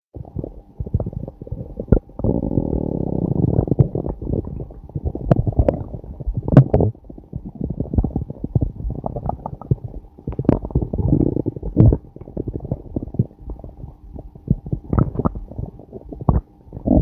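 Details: Low gurgling, rumbling and popping from an adult's abdomen: stomach growling, ordinary bowel sounds (borborygmi).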